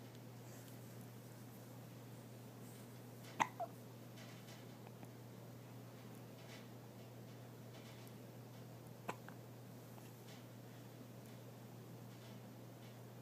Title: From a Smile to a Hiccup